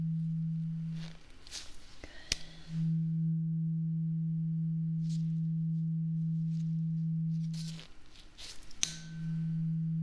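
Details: Acted ASMR ear-exam role-play: a struck tuning fork's steady low pure hum fading, with soft handling noise between strikes, as the listener is asked to say when the sound stops; tuning fork hearing test.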